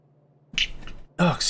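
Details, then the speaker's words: A single adult sneeze during a gaming session: a brief noisy burst after a quiet pause, with an intake and sharp expulsion. "me I've been waiting on that sneeze for like the last two episodes holy cow amazing amazing amazing amazing ah I I very much have been excited about that sneeze how dumb does that sound huh"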